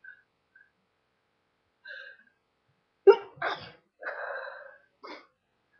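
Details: Sneezing deliberately induced with something, followed by a running nose: short catching breaths build to a sharp sneeze, then a few more breathy bursts.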